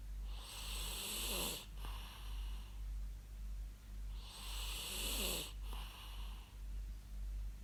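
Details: Real human snoring recorded for use as white noise: two loud rattling snores on inhalation about four seconds apart, steady low hum behind; ordinary snoring.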